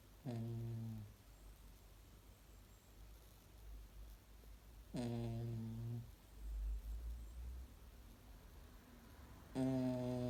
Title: Snoring dog